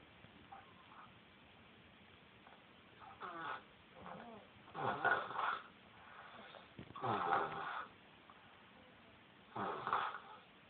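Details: Woman sleeping: several rough, buzzing breath sounds spaced a few seconds apart amid quiet room noise; snoring.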